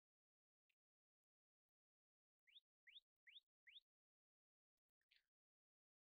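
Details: Acoustic reflectometry chirps from a smartphone with a paper cone screening the ear for infection, normal result.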